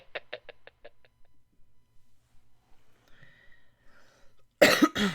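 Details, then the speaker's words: Cough from an adult who says they have been wheezing without an inhaler nearby. "you are you okay i've had i've been wheezing and i didn't have an inhaler nearby"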